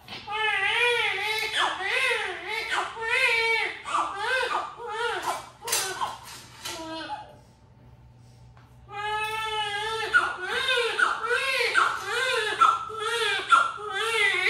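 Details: Loud rhythmic crying in repeated bursts with a short pause, from a baby just after a normal vaginal delivery attended by a midwife: a normal newborn cry.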